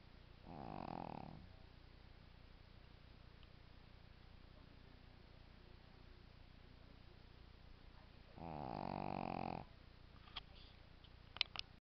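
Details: Shih Tzu snoring: two drawn-out buzzy snoring breaths about seven seconds apart, with steady hum and faint clicks in the background.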